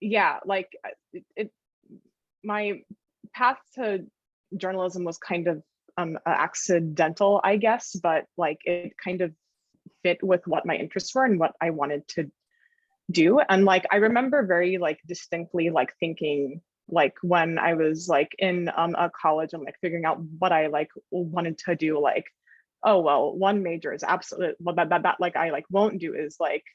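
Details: Adult woman who stutters: stuttering.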